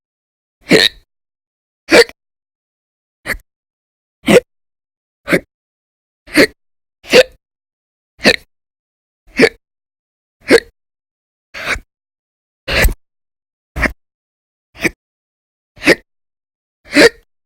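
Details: Persistent violent, very loud hiccups in episodes lasting about 10–13 hours a day through December 2019, audio only: about 15 sharp, abrupt, forceful hiccups in 17 seconds at a fairly steady pace.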